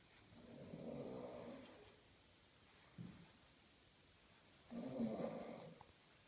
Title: Funny snoring ment to be workin naughty Boi